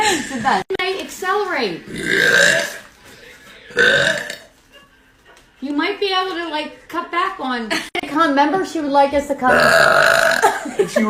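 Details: A compilation of a person letting out a series of loud, drawn-out voiced belches with brief talk between them; repeated burping.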